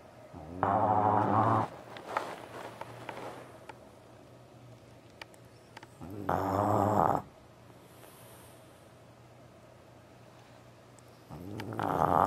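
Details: A French Bulldog sleeping late at night, giving loud rumbling snores on inhalation, about one breath every five seconds, with quiet gaps between: snoring.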